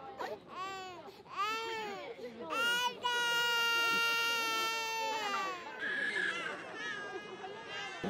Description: Dozens of bawling Japanese babies face off in a traditional "crying sumo" ritual believed to bring the infants good health, which returned for the first time in four years after the pandemic.